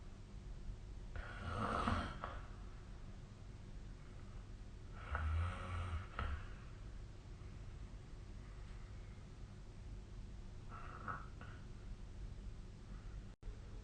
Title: 🐽 本日のイビキ / Snoring Sleep Sound 2025/05/01